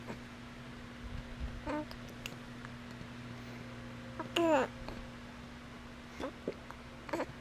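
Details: Baby's hiccups: brief, sharp, high little voiced catches at irregular intervals over steady room hum; infant hiccups.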